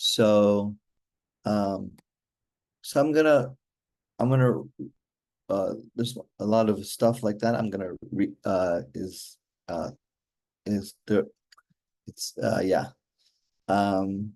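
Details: Real adult male stroke survivor with aphasia since a stroke during surgery for hereditary mitral valve prolapse in 2007, recorded in 2024; he still finds communicating hard; aphasia.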